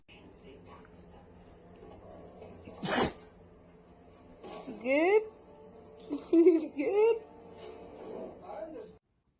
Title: When the sneeze hits your soul... (Funny Dogs)